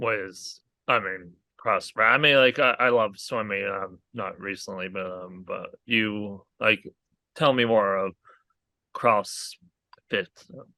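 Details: Aphasia in a male stroke survivor following a hemorrhagic stroke caused by an arteriovenous malformation at age 20.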